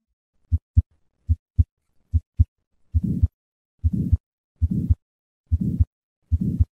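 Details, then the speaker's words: Regular heartbeat about 74/min with a soft systolic murmur between first and second sounds: innocent flow murmur as left ventricular blood accelerates through a normal aortic valve, contrasted with aortic valve sclerosis. "blood leaving the left ventricle is accelerated through the reduced cross-sectional area of a normal aortic valve with sufficient turbulence to cause an audible murmur"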